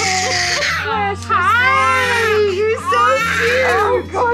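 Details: Newborn 8.5-pound girl, born at 6:38, crying strongly and continuously moments after birth with brief gasps between cries; a vigorous, normal first cry.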